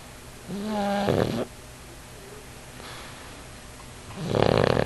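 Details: A 50 lb pug asleep on his owner's knee: a whistling, tonal snore, then a noisy snorting breath and another rough snore after a pause; loud snoring the owner says shakes the house.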